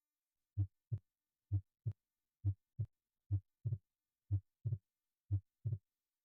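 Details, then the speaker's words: Regular heartbeat about 64 per minute: S2 sounds single at first, then splits into two components when the patient breathes in; physiologic splitting of S2. "So, hopefully you're able to appreciate how the S2 sounded single initially, and then it split in the second half of the heart sound when the patient took in a breath of air. That's physiologic S2 splitting, something that can be heard in patients with normal hearts."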